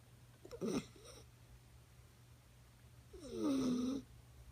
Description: Khaleesi the Doberman (9 weeks) snoring while sleeping on the couch.